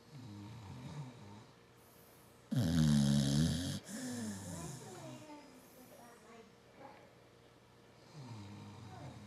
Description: An American Bulldog and owner are snoring away.